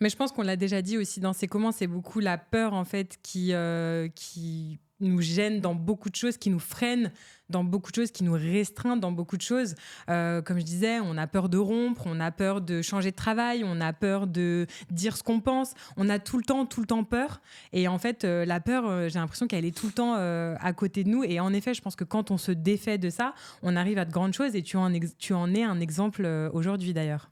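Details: Adult speaker, French; normal fluent speech.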